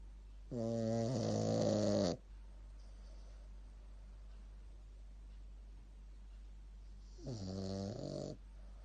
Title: Super cute Shih tzu snoring